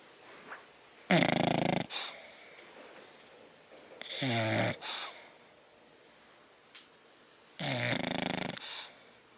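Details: Sleeping bulldog at naptime: loud rattling snores, three noisy breaths in about nine seconds, with softer snuffling between them; snoring.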